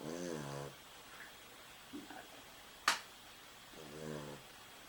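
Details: Sleeping dog snoring: two soft, buzzing snores a few seconds apart, with a sharp click between them.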